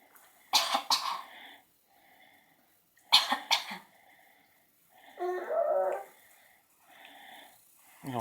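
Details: A 6-month-old infant gives two pairs of short, deliberate fake coughs, with soft voiced babbling and sighs between them; voluntary cough.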